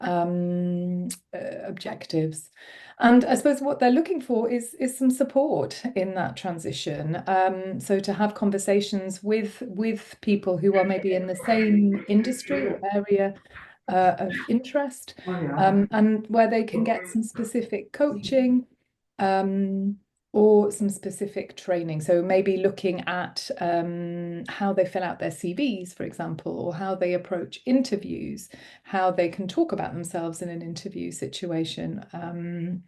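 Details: Adult speaker; typical speech.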